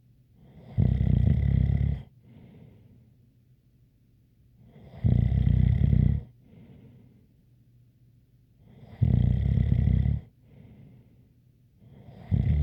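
Loud, low rattling snores about every four seconds, roughly 15 a minute, each followed by a softer breath out with a faint whistle.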